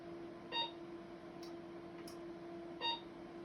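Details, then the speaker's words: Radiofrequency microneedling handpiece (25 fine needles) in a physician's self-treatment at a deeper setting with longer dwell to target fat: two short electronic beeps over room hum, each after a delayed, longer energy pulse. "I don't know if you can hear the delay before that little beep sounds, but that's that little bit longer energy delivery time that's necessary if you want to target fat cells."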